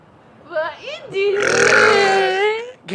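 A short belch followed by one long, drawn-out voiced burp lasting over a second, in a quiet room.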